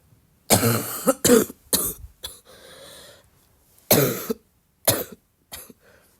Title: my cough is getting wet